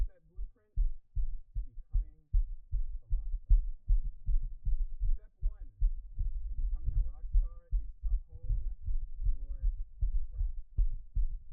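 Rapid, low, pounding thumps picked up by a microphone, with some faint higher tones over them; a fast heartbeat.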